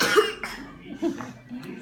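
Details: Young child deliberately fakes a cough: a few short, forced cough bursts with a throaty edge, a voluntary simulated cough.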